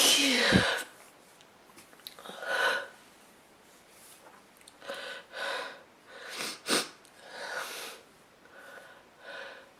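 One loud sneeze followed by sniffing and several nose-blowing sounds into a handkerchief.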